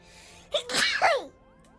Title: [ENG Subs] My Demon Dynamic sneeze can't be this cute! (VTuber)